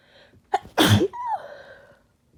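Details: Person with a common cold needing to blow nose: quick inward breath, then one loud, harsh sneeze with short voiced trailing sound; sneezing.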